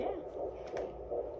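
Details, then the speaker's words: Fetal heartbeat on an external Doppler; rapid rhythmic whooshing pulses at about 150 beats a minute; normal-sounding fetal heartbeat. "Wow. So is that the heartbeat of a boy or a girl? Oh, Wouldn't you love to know? right. That sounds perfect. Oh. We're about 150."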